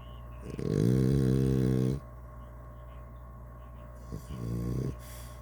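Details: Blue snoring: two droning, buzzy snores, one long and one short, over a steady room hum.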